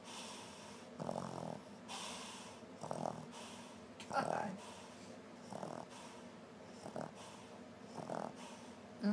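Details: Soft, irregular snorting breaths about once a second against room noise: snoring.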